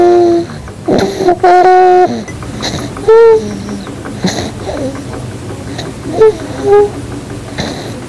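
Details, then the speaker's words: 8-month-old infant sleeping in hospital bed, pink, no oxygen attached; continuous noisy high-pitched musical breathing on both inspiration and expiration: stridor from laryngomalacia. "I can see an 8 month old child on average weight and height is sleeping in a hospital bed most likely having continuous sound with breathing most likely stridol both in inspiration and expiration"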